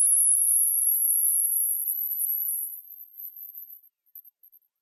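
A single steady, very high-pitched tone, fading after about three seconds, used for hearing screening.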